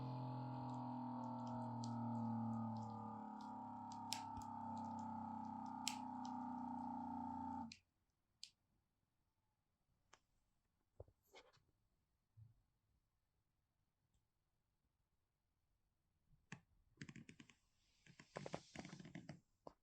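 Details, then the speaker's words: A&D Medical UA-611 automatic upper-arm blood pressure monitor with 22–32 cm adult cuff: pump motor hums while inflating, then faint deflation clicks; measured shortly after coffee, reading 149/88. "keep your hand relaxed press the button and then I will have to uh be silent for a while let's"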